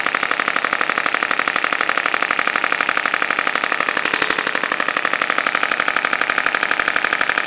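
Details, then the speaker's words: Radial shockwave therapy on lower back of a woman with 5+ years chronic low back pain and lumbar adhesion, reported sore: rapid, very regular clicking pulses about four per second; radial shockwave device. "All this pressure wave does is just melts the adhesion for all you guys have to know at home."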